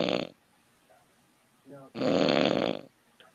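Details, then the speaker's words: Loud snoring from a sleeping man, with breathing strips or a CPAP machine suggested. "I'm surprised this this snoring didn't wake Barry up with all that noise that's crazy really"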